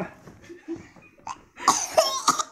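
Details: Young child reciting body parts, coughing while laughing: a soft voice, then several harsh coughing bursts mixed with laughter.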